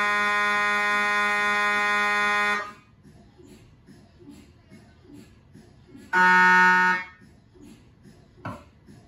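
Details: MRI scanner noise recorded inside the scan room from a GE 1.5T or 3T system: loud, steady electronic buzzing gradient tones in two bursts separated by quieter room noise.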